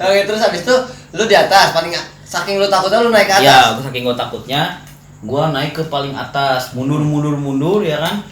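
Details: Adult male speaker; no disorder.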